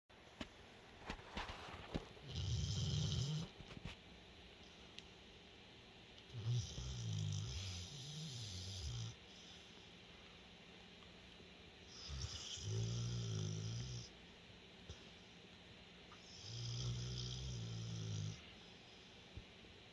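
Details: Slow, rhythmic low rumbling snores, about four over twenty seconds, each one to two seconds long with quiet breathing between; ordinary snoring.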